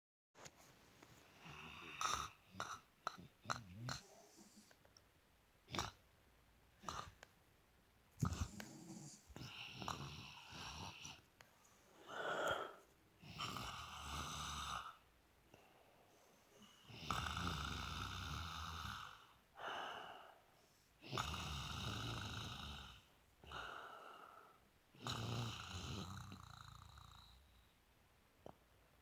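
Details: Rough, rattling snores at about 15 per minute, each lasting a couple of seconds, with some clicks and rustling; snoring.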